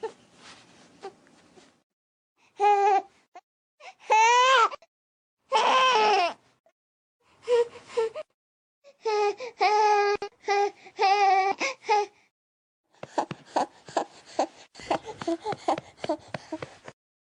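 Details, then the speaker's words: Infant discomfort cry ('HEH~'), which differs from the earlier cries: short, broken cry bursts with whimpers and quick panting, gasping breaths. "이렇게 불편하다 할 때는 여지껏 운 거랑 또 달라요. 헐떡거려요. 헉헉거리는 느낌으로 보게 되니까 이 구분이 확실히 간다."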